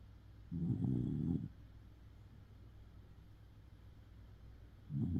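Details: Shiba Inu dog sleeping deeply, snoring: low rattling snore on each breath with quiet room noise between breaths; owner jokes snoring surgery is urgent.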